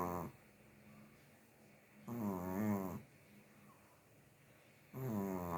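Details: Sleeping female Chihuahua snores softly and rhythmically, with buzzing inhalations about every three seconds and quiet breathing between; snoring.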